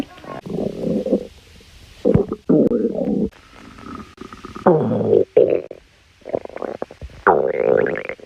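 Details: Stomach growling (borborygmi).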